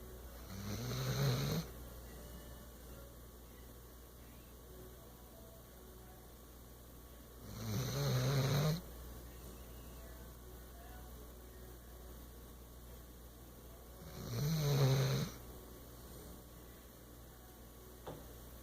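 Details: Three slow, low rumbling snores about 7 seconds apart, roughly 9 breaths a minute, with quiet pauses between them; snoring.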